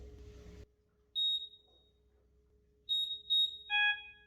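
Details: Philips Respironics Trilogy EVO portable ventilator being switched on with a single press: low steady hum, then a few short high beeps and a final lower tone; normal power-on start-up alarm tone (self-test).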